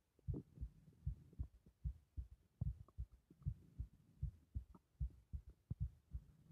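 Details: Regular deep thumping pulse about 76 a minute, forceful and prominent, from a strongly pulsating carotid artery; strong carotid pulse.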